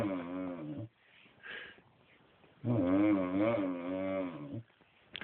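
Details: Man snoring in bed: two loud, rattling, voiced breath sounds separated by a quiet pause.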